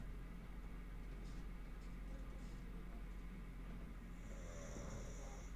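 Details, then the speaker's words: Snoring heard in the background while someone sleeps nearby during a podcast recording. "Oh, now you can hear her snoring."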